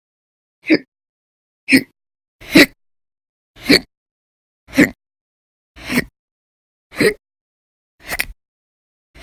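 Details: Short, sharp, voiced hiccups repeating steadily at about 27 a minute, with silence between. Violent, very loud persistent hiccups from episodes lasting hours each, recorded 11/1/19 to 11/20/19.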